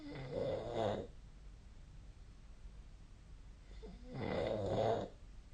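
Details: Snoring during sleep, recorded on 2024/12/20.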